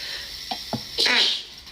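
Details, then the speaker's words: Girl with cat allergies sneezes while eating oranges: two quick catching breaths, then a single hissy, high-pitched sneeze. "I need to sneeze. Excuse me. So, oh, just sneeze right into the orange. Excuse me. As you can see, I have some cat allergies."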